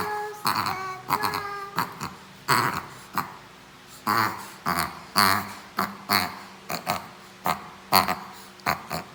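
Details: 7-month-old Shih Tzu with a rapid run of harsh, honking snorts; owner asks whether it is reverse sneezing (suspected).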